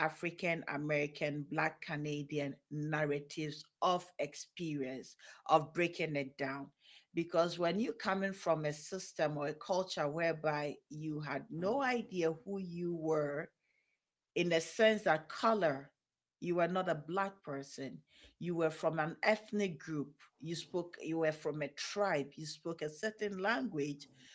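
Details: Adult woman speaking; typical speech.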